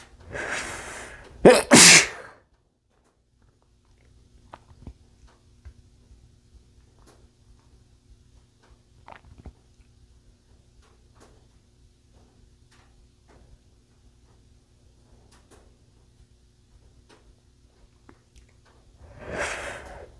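A sharp in-breath then a forceful, slightly muffled sneeze, a long quiet pause, then another breath in; a single ordinary sneeze.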